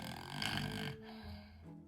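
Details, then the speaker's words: Acted snore in a comedy sketch, grandmother snoring while insisting she is not asleep; one loud, rough, low-pitched rattling snore, then quieter breathing with faint background music; snoring. "Що? Не хрепи, блін. Боже, та я ще не сплю, мала. Як я можу храпіть, як я не сплю?"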